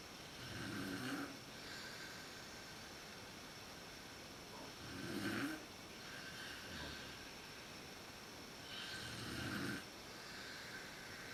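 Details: Mother snoring in a dark room, recorded on a PowerShot SX130IS camera; snoring worst at sleep onset. Slow, loud rattling snores on each inhalation, about three in eleven seconds, with quiet room noise between: snoring during sleep.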